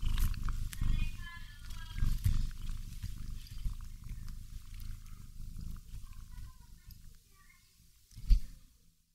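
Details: Snoring from a sleeping cat cuddling a doll: low, rough rumbling breath sounds with faint higher chirps in the background.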